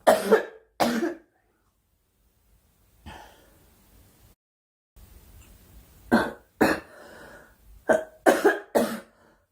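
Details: Girl coughing during a livestream: several short, sharp coughs and throat-clearing bursts in clusters, with pauses and faint room noise between.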